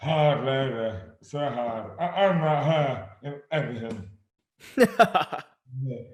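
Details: Adult man with dystonia, slurred speech beginning suddenly overnight in May 2008, about 12 years before this 2020 interview; speech severely impaired, hands also affected; dysarthria from oromandibular dystonia.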